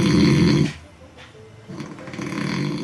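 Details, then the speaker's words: Adult man snoring loudly all night, likened to a lawnmower; partner has not noticed apnoea pauses; neck a bit overweight; nasal strips and nasal devices did not help; assessed at an overnight sleep clinic for snoring. "He just snores all night long? Just snores."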